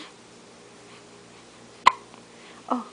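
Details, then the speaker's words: Hiccups: two brief, sharp hiccup sounds a little under a second apart in a quiet room; the speaker says the hiccups seem to make the person mad. "goodness. Oh, goodness. The hiccups make you mad? Oh, tell me about it."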